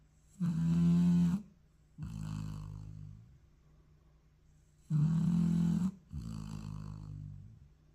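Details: Dog napping during an afternoon siesta: loud, low, rattling inhalations, each followed by a softer vibrating exhale, two full cycles about four seconds apart; dog snoring.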